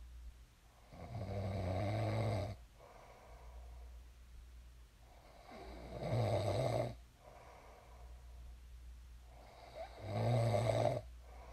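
Low rumbling snores on each in-breath, about 14 a minute, with quiet room hum between them: ordinary sleep snoring.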